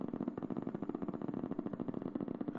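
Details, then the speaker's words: Needle EMG of normal motor unit recruitment: the patient makes a very slight contraction, one motor unit fires, and with increasing firing rate a second motor unit is recruited; the first unit's onset frequency is 10 Hz. "we ask the patient for a very slight contraction and now a new motor unit is coming in one can hear that in the background and with increasing rate we we see that uh the other motor unit now is coming"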